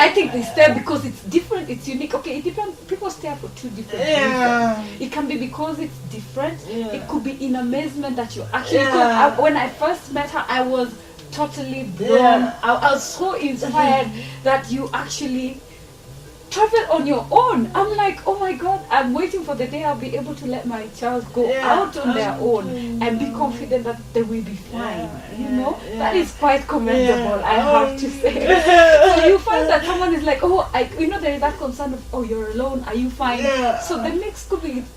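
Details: Adult woman speaking; ordinary speech.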